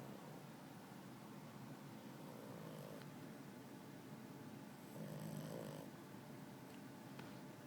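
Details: A puppy snoring with his eyes open: soft rumbling snore sounds, twice, over steady background hiss.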